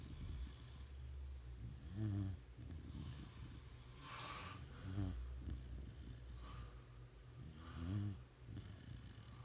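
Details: Sleeping pit bull puppy snoring: low rattling snores about every three seconds, roughly 20 breaths a minute; ordinary snoring.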